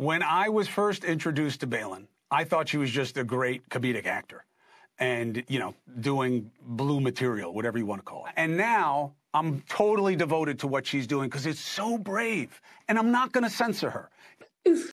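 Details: Adult speaker; normal speech.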